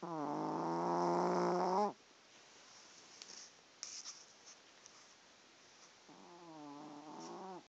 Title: Wicket Fuhan Snoring